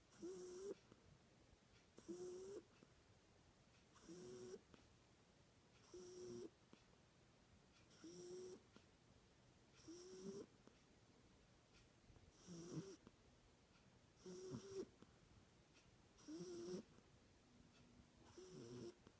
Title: Cat Snoring